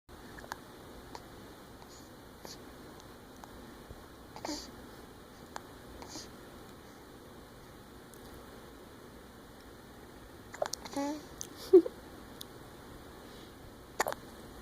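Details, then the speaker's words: Small child with hiccups, smiling, having trouble sleeping before a nap: a few brief, sharp catch sounds at irregular intervals in a quiet room. "you have the hiccups? There's a smile. Are they gone? No. It's hard to sleep when you have the hiccups, isn't it?"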